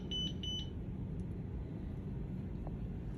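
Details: A few short, high electronic beeps from a Zoll defibrillator switching into pacer mode, pads and three-lead connected, then quiet room hum.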